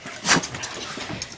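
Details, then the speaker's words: Dog sneezing in the morning just after breakfast, in which the dogs receive their medications: one sharp, hissing sneeze followed by quieter room noise. "okay okay oh we got we got sneezers bless you bless you"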